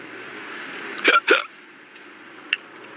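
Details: Hiccups in a scene from the film Hasee Toh Phasee, not a real patient: two quick, sharp voiced hiccup sounds close together, then a faint third.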